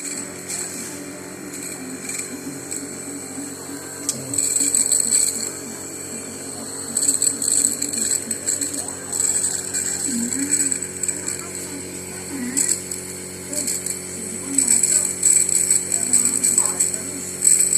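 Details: Nebulizer compressor running with a steady mechanical hum and rattle and faint room sounds, used to nebulize a child with a stubborn cough and cold, meant to loosen throat phlegm and ease breathing.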